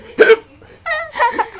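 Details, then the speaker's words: Person who still has the hiccups: a single sharp, abrupt hiccup with a voiced catch, followed by a brief vocal sound; an ordinary hiccup. "oh catch i still got the hiccups yeah i can't take them out"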